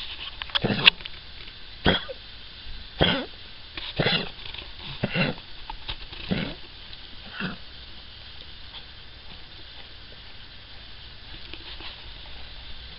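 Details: About seven harsh, dry coughs from Alfie, a Cavalier King Charles Spaniel with mitral valve disease, recorded at home after he collapsed on the stairs and could not stand; cardiac cough.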